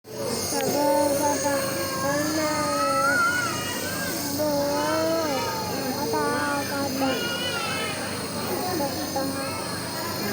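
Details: Baby with cold and cough receiving nebulizer treatment: a steady mechanical hum and hiss from the running compressor, with voices over it.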